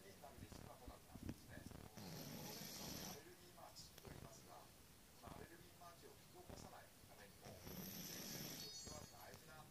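Rough, rattling breaths rising and falling under steady room noise: snoring.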